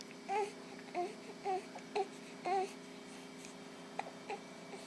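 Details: An infant with hiccups: short, repeated, high-pitched whimpering sounds, about two a second, in a quiet room with a steady background hum.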